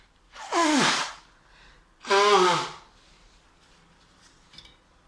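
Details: Person sneezing while cooking: two forceful sneezes a second or so apart, each preceded by a sharp indrawn breath, in a quiet room.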